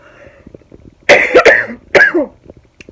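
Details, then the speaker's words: Adult woman still coughing almost three weeks, without the virus, cough attributed to mucus and allergies: two loud, harsh coughs, the first a quick double burst; persistent cough. "hey guys this is sarah so i'm still coughing and all that and so two weeks already almost three weeks"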